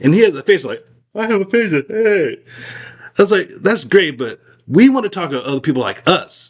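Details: Aphasia after a stroke in an adult man, who says he still can't talk as clearly as before.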